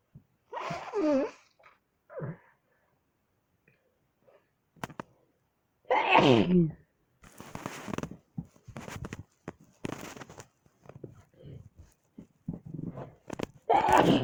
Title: Woke up ready to sneeze